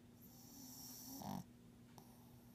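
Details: Pug still snoring: a single short snorting snore over faint room hum, then quiet; described as very low, best heard with headphones.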